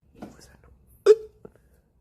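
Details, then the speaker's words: Person with hiccups: a soft murmur, then one abrupt voiced hiccup with a brief trailing tone, followed by a small second catch. "have the hiccups. You know how to get rid of the hiccups?"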